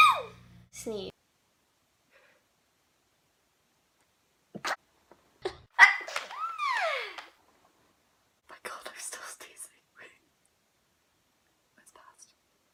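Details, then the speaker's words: A sneeze, then quiet speech and breathy vocal sounds, with another soft sneeze later, in a sneezing compilation. "And then when I have literally been sick all week. I just can't stop sneezing."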